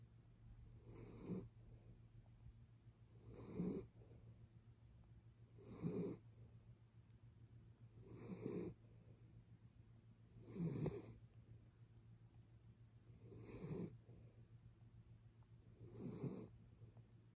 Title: MALTIPOO snoring 💤